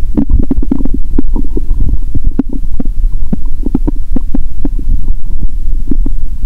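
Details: Stethoscope on own stomach after eating Mentos and drinking cola following a fast of over 15 hours: frequent irregular gurgles, pops and bubbling over a low rumble, bowel sounds.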